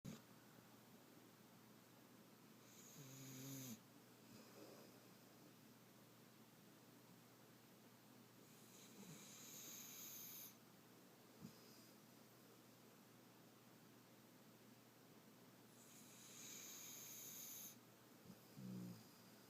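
Slow breathing with three raspy, whistling snores on the breath in, about ten breaths a minute, in a quiet room: snoring in a sleeping puppy.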